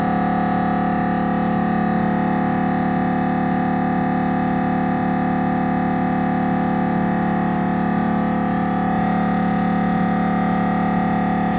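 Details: Loud steady noise with fast regular knocking, about three pulses a second, over a constant hum: normal MRI scanner noise during a routine head examination on a Siemens Magnetom Avanto 1.5T.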